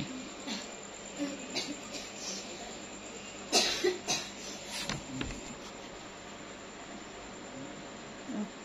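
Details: Midwife at her clinic, around 1:30 a.m. after a delivery while writing the birth report, coughs in several short bursts, with a quiet room hum in the background; cough.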